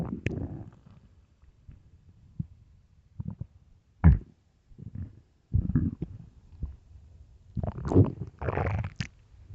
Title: extreamly empty loud deep stomach growls part 4 (starving)